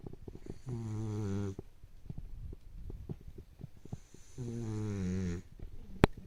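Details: Hugo snoring (29 February recording): two soft, buzzy snores about 3.5 seconds apart, with faint clicks and room noise between.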